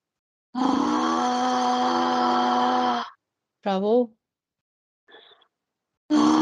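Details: Patient with vocal cord paralysis persisting over ten years after thyroid surgery, in voice training doing pitch-raising phonation exercises; rough, husky quality remains; hoarse voice from vocal cord paralysis.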